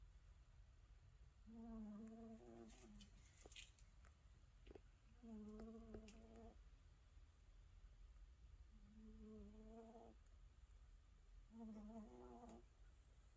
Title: Cat snoring lol #funnycats #catshorts